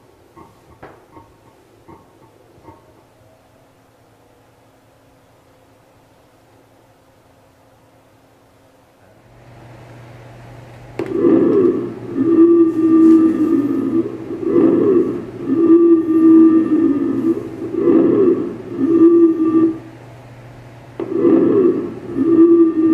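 Simulator playback over a speaker: after a quiet start, soft rhythmic breath sounds at about 18 a minute over a steady hum. Normal lung sounds.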